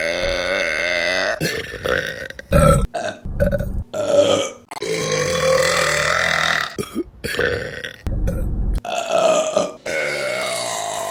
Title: Burping Compilation August 2023 #3 | RBC (Reupload)